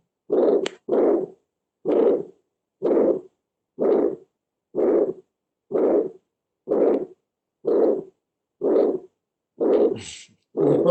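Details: A loud, harsh systolic murmur repeating about 62 times a minute, with no clear second heart sound, attributed to the aortic valve: an aortic stenosis systolic murmur.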